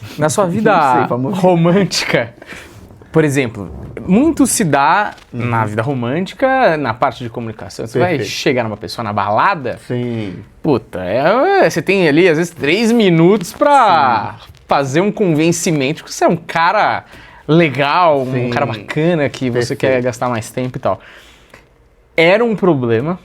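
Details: Adult man speaking; ordinary speech.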